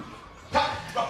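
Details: Acted film scene of an adult man with Tourette syndrome; a single sharp, bark-like vocal burst: vocal tic (barking).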